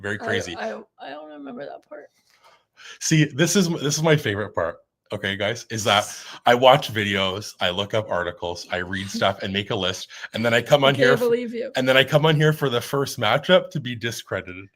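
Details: Adult speaker, casual conversation; ordinary speech.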